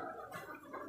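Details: Chicken with infectious coryza, in a follow-up update: a brief wet, gurgling rattle from the airway, as from mucus.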